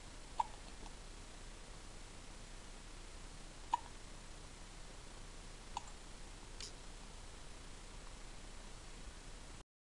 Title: Sweet Baby hiccup :)